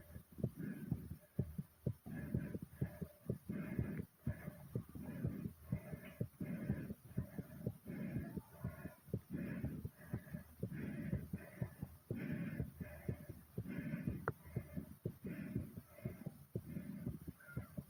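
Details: After deliberate exercise to make the heart race and the breathing very hard, a fast, pounding heartbeat with heavy, rapid breathing; exercise-induced tachycardia with heavy breathing.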